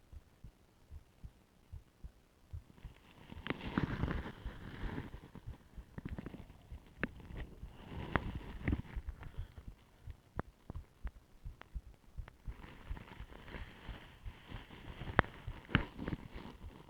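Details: Own heartbeat via stethoscope, with ECG, during complete voluntary breath-holding aided by plastic bag and pillow: muffled beats with rubbing, first faster (tachycardia), then slowing to under 50 beats per minute (bradycardia).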